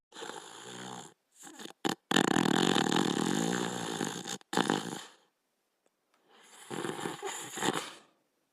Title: Border Collie Dog Sleeping & Snoring Part 2